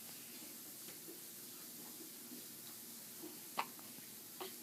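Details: A few soft, brief, irregularly spaced hiccups from an infant, in a quiet room.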